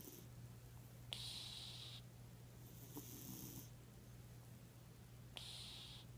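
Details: Cat snoring: hissing, whistling breath sounds during sleep over a steady low hum; snoring.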